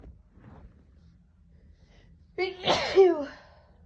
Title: Sneezing at my parents